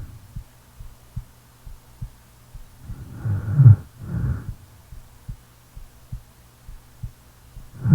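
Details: Sleeping person, real recording: steady, soft, regular heartbeat thumps throughout with one low, rumbling snoring breath in the middle.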